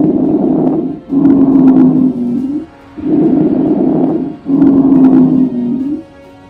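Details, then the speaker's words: 38-year-old man with COVID-19 pneumonia (right upper and left lower lobe), intubated in intensive care; chest auscultation gives harsh, loud bronchial breath cycles with brief popping fine crackles from consolidated lung. "on auscultation of his chest we now hear more fine crackles and bronchial harsh breath sounds"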